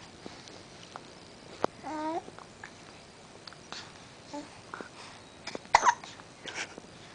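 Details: Hiccups in a small child: brief, sharp, repeated catches of breath with soft babbling in a quiet room.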